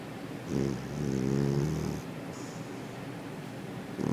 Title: Friendly Cat Snoring